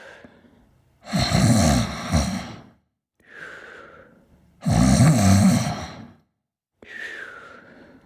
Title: Sleeping & Snoring